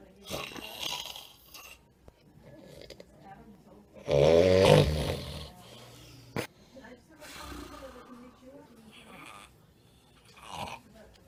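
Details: Adult man asleep in a dentist's chair who does not use his breathing machine: irregular rattling snores, one loud and coarse, others softer, with quiet room sounds between; snoring.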